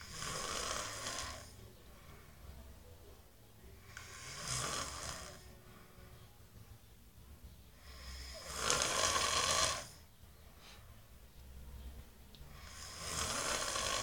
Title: roncando